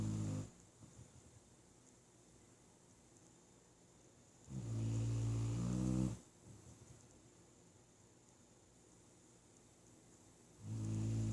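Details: Sleeping pet dog with slow, loud, low rumbling snores about every six seconds, roughly 10 a minute, with quiet pauses between; snoring.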